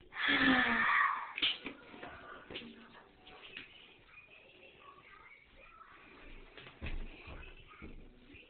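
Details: 8-year-old girl with pertussis (whooping cough), May 2010, during a severe coughing fit: a loud, high-pitched strained breath, then quieter gasping and short coughs; she is cheerful and well between fits, with bruising under her eyes.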